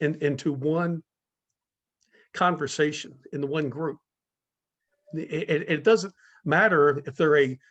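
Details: Speaker in a stuttering-community talk series, with long pauses between words suggesting blocks; stuttering.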